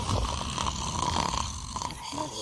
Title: Dad’s Snoring MakesBaby’s Funniest Reaction Ever 👶 #baby #babygirl #babyshorts #babysongs #cutebaby